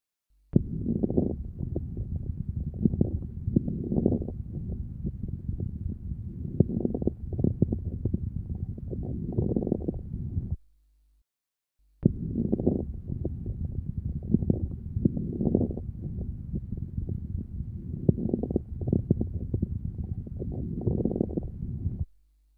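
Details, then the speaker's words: Mid-inspiratory crackles, predominating in mid-inspiration and sparing its start and end, indicating bronchial secretions. "écouter les crepitantes de mi inspiration il prédomine au milieu de l'inspiration et respecte le début et la fin de l'inspiration il traduisent l'existence de sécrétion bronchique"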